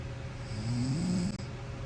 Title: My wife snores like a chainsaw